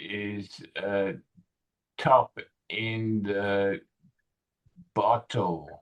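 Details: 65-year-old male with Broca's aphasia in a real tele speech therapy session on a picture-based word-retrieval task; non-fluent speech with word-finding difficulty; Broca's aphasia.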